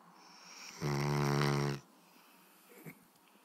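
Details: Pet fell asleep while being rubbed: a single loud, low rattling snore lasting about one second.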